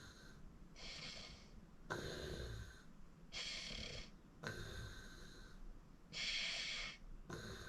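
Loud rattling breaths in and out during sleep, about four cycles heard, with a harsh fluttering quality typical of snoring.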